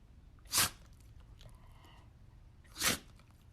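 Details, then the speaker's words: Shih Tzu dog giving two short, sharp sneezes about two seconds apart in a quiet room; dog rarely sneezes, owner thinks just a nose tickle, dog was fine. "Oh my goodness. Lacey, you have the sneezies. You have the sneezies?"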